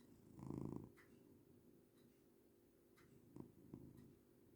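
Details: Cat named in caption snoring loudly while asleep on owner's lap: loud rough rumbling breaths then softer snorty breaths in a quiet room.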